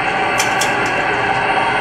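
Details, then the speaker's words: Dense continuous crackling hiss of rapid neural firing from a test microelectrode in the subthalamic nucleus during deep brain stimulation surgery for Parkinson's disease, near the target, while the patient sleeps; subthalamic nucleus microelectrode recording. "그렇지만 머릿속에 넣었던 테스트 전극에서는 전기 생기 신호가 나오고 있습니다."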